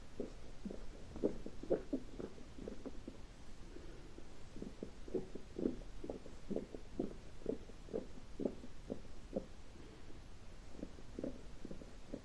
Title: Colon Therapy CB part 2 | Stomach noise 🫧